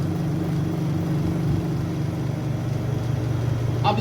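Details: Home oxygen concentrator being switched on in a demonstration: steady low mechanical hum with a fast pulsing rhythm from the compressor starting up, running normally.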